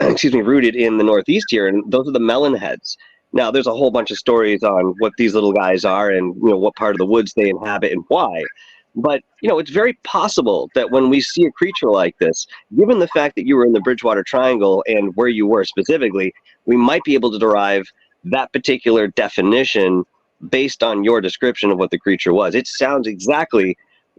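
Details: Adult man speaking; ordinary speech.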